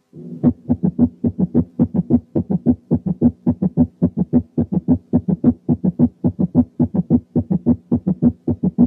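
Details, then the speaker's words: Gallop rhythm: rapid heart sounds in triplets, an extra low thud each beat giving a galloping cadence; quiz example. "رقم اتنين كان gallop"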